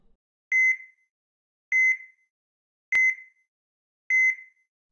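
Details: EKG heart monitor beep sound effect: regular high-pitched electronic beeps, about 50 a minute; ECG monitor beep.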